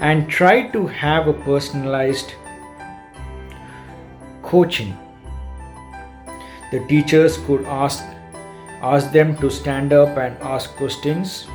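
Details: Adult man who describes himself as a stammerer, with stammering since school days, reported to have worked to overcome it; stuttering.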